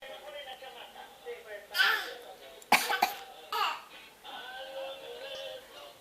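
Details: A 5-month-old baby going through a phase of faking a cough makes about four short, deliberate cough-like bursts between soft voiced sounds, with a playful look; a voluntary fake cough, not illness.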